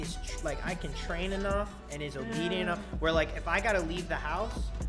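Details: Adult speaker; ordinary speech.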